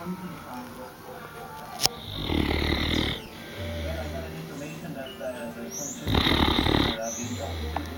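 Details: Female Newfoundland dog sleeping and snoring: two loud, rough, rumbling breaths about four seconds apart over faint room noise.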